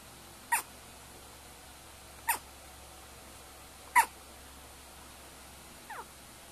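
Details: Brief, sharp, chirp-like hiccups recur about every two seconds in a quiet room, with a fainter fourth one at the end; hiccups.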